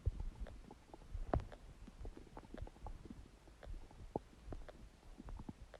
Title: Huge stomach gurgling sound | My Stomach Makes Noises